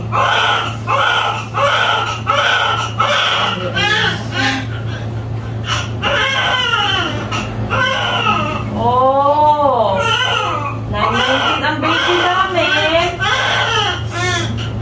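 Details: Newborn just after a normal vaginal delivery to a 33-year-old first-time mother: strong, rhythmic crying in repeated wails over a steady low room hum; vigorous newborn cry.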